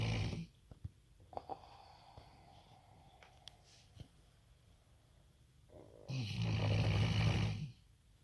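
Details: Sleeping Rottweiler dog snoring, strong enough to vibrate the floor: two loud, rumbling snores about six seconds apart with quiet breathing and faint room sounds between: snoring.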